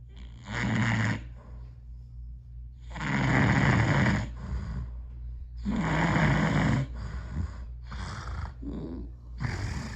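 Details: Father snoring loudly: rough, rattling snores on each in-breath, about three to four in ten seconds, with quieter breaths between.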